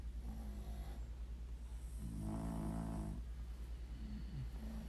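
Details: Soft, rattling snores from sleeping dogs, with one longer and louder snore in the middle, over a steady low hum, recorded during a playful snoring contest between the dogs.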